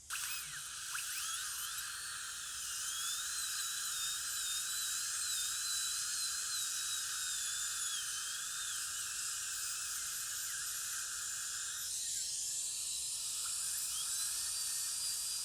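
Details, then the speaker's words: Orthodontic aligner attachment removal: high-speed dental handpiece with 16-fluted carbide finishing burr smoothing enamel after composite removed by 12-fluted burr, restoring enamel luster; steady high-pitched whine. "Then we like to go back with a 16 fluted carbide burr to make sure you don't have any scratches on the enamel."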